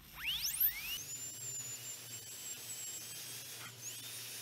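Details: High-pitched dental drill whine spins up, holds steady, then briefly dips; handpiece running during a demonstrated composite filling of a replica carious front tooth on a dental manikin.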